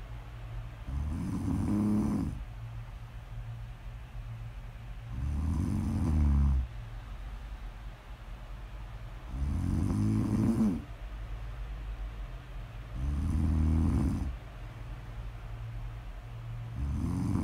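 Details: Loud, low, rumbling snores on each in-breath, about five in the clip, roughly 16 a minute, with quiet breathing out between them; snoring, recorded as snore audio ASMR.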